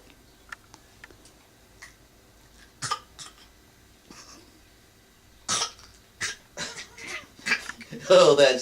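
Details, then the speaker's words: Cough, described as a bad, horrible cough, heard between sneezes. "you have a bad cough oh that's a terrible cough what a horrible god oh that's a horrible cough"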